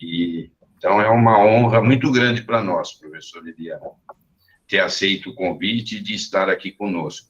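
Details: Adult man speaking Portuguese; ordinary speech.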